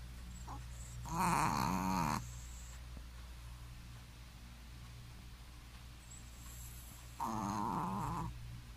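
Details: Sleeping Shih Tzu dog snoring very loudly: two loud, rattling snores about six seconds apart, each lasting about a second, over a steady room hum.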